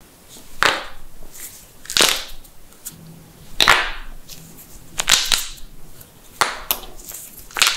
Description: Amazing Knuckle Cracking - Loud Knuckles Popping Compilation